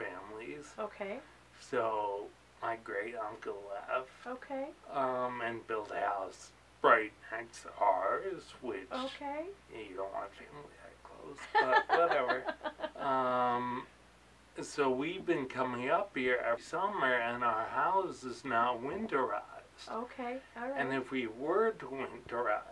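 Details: Man with ataxia; articulating takes effort, especially toward evening, and he slurs when excited: ataxic dysarthria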